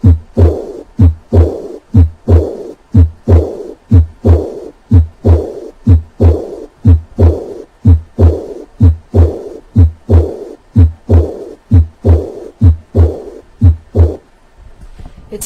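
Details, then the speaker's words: Teaching recording of a patient with aortic regurgitation: three normal beats, then a high-pitched, soft, blowing diastolic decrescendo murmur after S2, usually heard at the fourth left intercostal space, regular rate near 62 per minute. "the classic murmur of aortic regurgitation is a high-pitched diastolic day crescendo murmur usually heard in the fourth left intercostal space"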